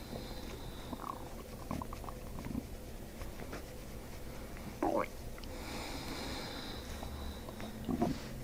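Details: Low, irregular rumbling with a few brief squeaky gurgles from the abdomen during chiropractic abdominal work a few inches above the belly button: ordinary bowel sounds (borborygmi) from gas and fluid.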